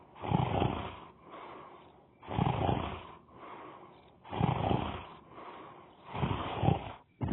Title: funny cartoons 23 Snoring